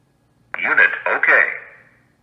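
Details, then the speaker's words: Zoll AED Plus manual self-test, started by holding the on/off button five seconds: synthesized voice prompt announces unit okay, a normal defibrillator check result. "it'll give you the unit okay voice prompt and it will show it on the LCD screen and you know that we are good to go so that's how to do a manual test on the AED"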